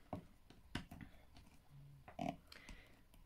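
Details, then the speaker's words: Pet Loulou snoring while resting in a quiet room: soft, irregular snuffling snorts and a brief low rumble. "à loulou qui ronfle je vois si vous l'entendez j'entends que ça oui"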